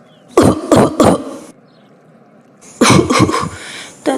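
Two bouts of three harsh, explosive coughs in quick succession, with another starting at the end; an acted adult cough.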